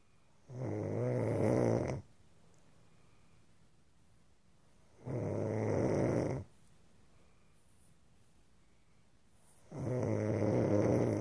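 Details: Loud, slow, regular vibrating snores on each breath, about 13 a minute, with quiet gaps between them; snoring.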